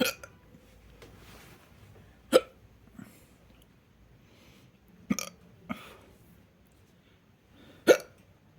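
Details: Four sharp, brief hiccup sounds at irregular intervals of a few seconds in a quiet room; ordinary hiccups.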